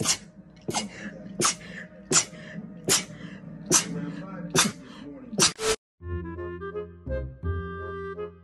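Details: A run of eight short, sharp sneezes in different voices, followed by a few seconds of music.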